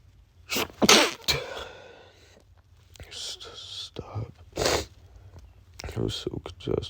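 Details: Adult male with pollen allergy: several forceful sneezes in quick succession with sniffing and snorting between; sneezing fit from allergic rhinitis.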